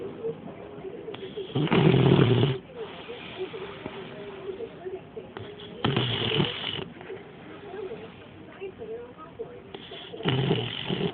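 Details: Loud, harsh snorting snores roughly every four seconds over steady background hum; heavy snoring.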